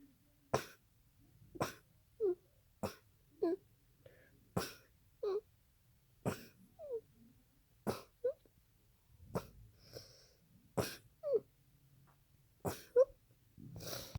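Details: Adult with a bad cold trying to induce sneezing while talking: repeated sharp sneeze-like bursts, each followed by a short voiced catch, plus coughing; sneezing and coughing.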